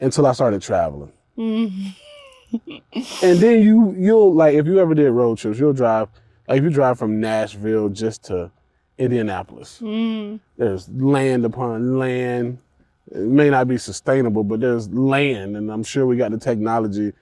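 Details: Adult man speaking; ordinary speech.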